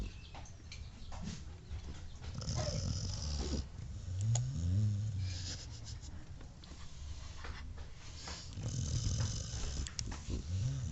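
Low rumbling breath noises in a sleeping dog, with soft growly snores over room noise; ordinary canine snoring.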